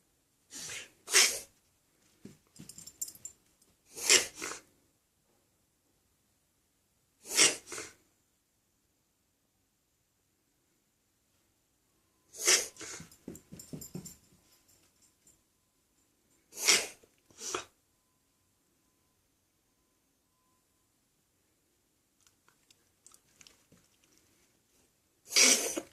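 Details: A dog gives repeated short, sharp, hissing bursts, often in pairs, somewhere between a cough and a sneeze; the owner wonders whether it is a heartworm-related cough and plans a vet visit.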